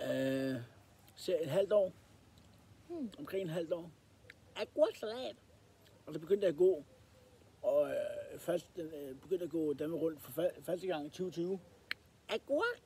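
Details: Male with Tourette syndrome, described as a fault in the head that leaves his speech and movements uncontrollable, with real involuntary vocal tics; vocal tics (Tourette syndrome).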